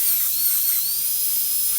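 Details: Dental lab training on an ivory tooth: continuous high-pitched whine of a high-speed dental handpiece cutting along the drawn outline of a T-shaped cavity preparation, with water later suctioned and air-dried.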